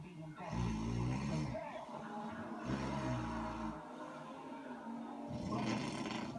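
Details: Snoring: low, rough, rattling breathing sounds repeating in long drawn phases, with a faint background hum.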